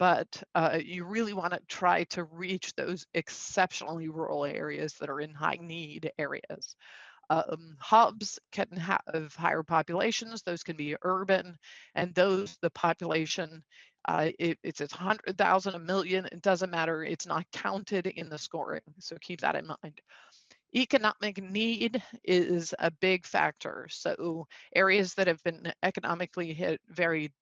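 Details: Male speaker with spasmodic dysphonia, a neurological vocal cord disorder diagnosed a couple of years after 2001 through a telemedicine consult; he says symptoms act up and are audible; also has Duane syndrome (neurological eye disorder); spasmodic dysphonia.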